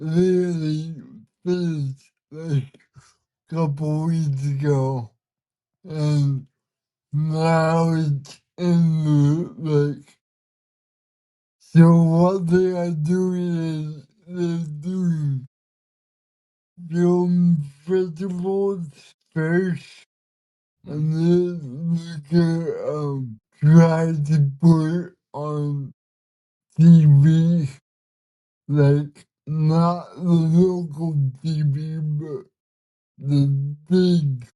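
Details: 32-year-old man with cerebral palsy, speaking in a real conversation; dysarthria.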